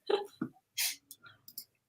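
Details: A single soft, stifled sneeze from a man during a conversation, a brief hissing burst amid quiet room sounds: an ordinary sneeze.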